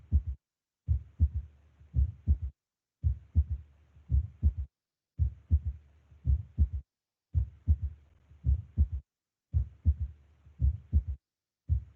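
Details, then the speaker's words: Regular low-pitched heart sounds in groups of three, a triple gallop rhythm from an added third heart sound (S3) in a nursing cardiac exam lesson; described as physiologic in children and young people, pathologic in mitral insufficiency. "aqui consiste na vibração da parede ventricular despendida Pela chegada de sangue durante a diástas ventricular ou seja chegado do sangue do átrio fisiológica em crianças ou jovens normal melhorar audível e foco mental e já fui lá pela esquerda Ok patológico se audível quando deitado sentado por isso eficiência mitral"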